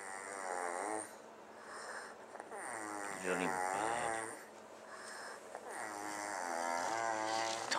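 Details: A person sleeping after a spring break party snores heavily, with loud, rattling, strongly voiced breaths about 18 per minute in a small quiet room: snoring.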